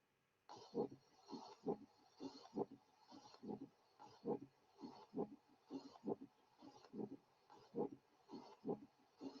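Scratchy, grating sounds with each heartbeat at about 67 a minute, in both systole and diastole: a pericardial friction rub from inflamed pericardium.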